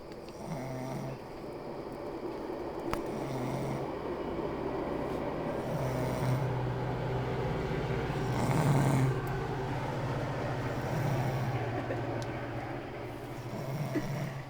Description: lady at my house on my bed snoring